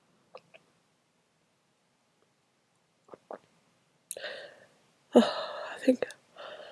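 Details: Short breathy catches build up into two forceful, explosive sneezes, too strong to announce; sneezing.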